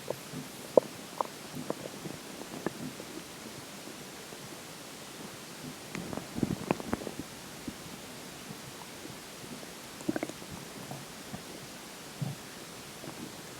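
Quiet, scattered gurgles and squeaks from the belly over steady low hiss; ordinary stomach growling after drinking water.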